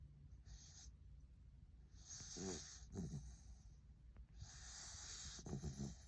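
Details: Sleeping puppy snoring: soft hissing breaths with short snorting, fluttering snores over low room rumble.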